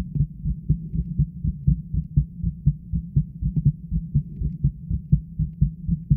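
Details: Own adult heartbeat heard through a stethoscope held with continuous pressure against the chest: steady, regular, low thumping heartbeat.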